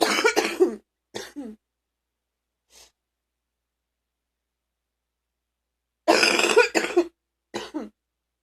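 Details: Deep, harsh adult coughing in two clusters, each a strong burst followed by smaller coughs, separated by silence; person says they were very sick but are now okay.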